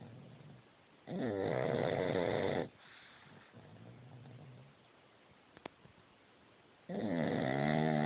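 Two loud, rattling snores on breathing in, with a quieter breath out between them; plain snoring.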